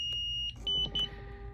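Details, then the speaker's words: Zoll defibrillator demonstration of synchronized cardioversion at a pretend order of 50 joules: steady high-pitched charge tone, then short repeated beeps as the synchronized shock is delivered; normal device tones. "charge it and then shop the patient you notice sync 50 joules"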